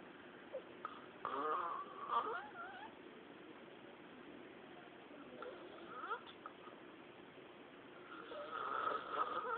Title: hair-bag snoring